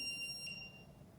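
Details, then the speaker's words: Brief, high-pitched electronic tone as a public-access defibrillator is switched on in a demonstration of AED use, before the adult-mode voice prompts; AED power-on tone. "so if we've established that our casualty is not breathing what we are going to do is turn on our defibrillator"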